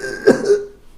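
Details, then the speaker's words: A single harsh, dry cough burst: an adult's imitation of the dry, irritative cough a dog may have with distemper or kennel cough, likened to a heavy smoker's morning cough. "une toux sèche, qui est cette fameuse toux dont je dis que c'est un gros fumeur dès le matin."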